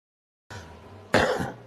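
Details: Adult smoker's cough attributed to cigarettes, not COVID: one short, rough cough with a throat-clearing quality after a moment of quiet room noise.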